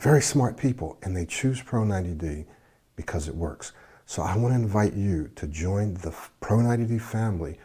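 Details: Adult man speaking; Normal fluent speech.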